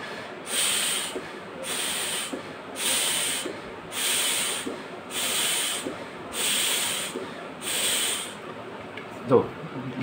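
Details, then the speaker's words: Demonstration of a metered-dose inhaler with valved MACSPACER: one press, then regular airy hissing tidal breaths, about seven in ten seconds, then a faint click; inhaler-spacer technique. "see I will press it once and inhale exhale five times for one less foreign"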